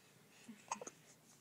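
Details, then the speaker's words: Newborn baby a few days old in hospital with hiccups after drinking a lot at a feed: a brief hiccup with soft breathing and faint room noise. "we've got the hiccups drinking so much"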